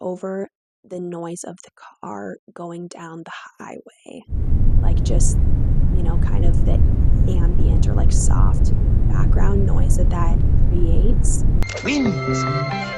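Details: Adductor spasmodic dysphonia, a neurological vocal cord spasm disorder, in a woman; moderately severe, with onset at age 16-17.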